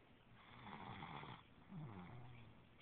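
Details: A female asleep after eating fried chicken, dozed off before reaching bed: two low, rough, rumbling breaths with a vibrating quality; snoring.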